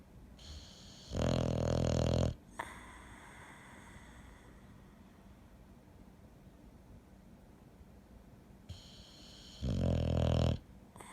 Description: My Boxer dog Astro snoring